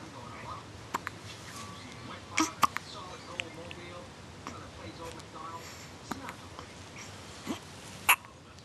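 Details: Baby girl with hiccups: several brief, sharp, irregularly spaced catches, about six in nine seconds, over soft room noise; infant hiccups.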